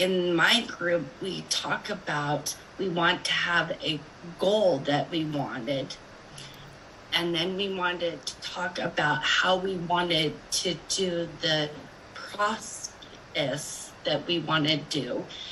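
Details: Woman with aphasia reporting a group discussion; aphasia.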